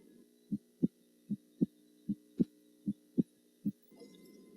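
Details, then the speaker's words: Normal heart sounds on stethoscope auscultation at the pulmonic area during a physical examination demonstration: regular clean lub-dub at about 75 per minute with no extra sounds. "warm the stethoscope listen first in the aortic area the pulmonic area"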